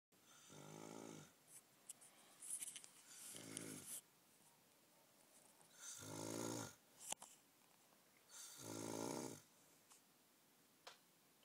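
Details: Man snoring in a bunkhouse during a dive trip, keeping others awake: four loud, rattling snores on in-breaths, about 20 a minute, in a quiet room; snoring.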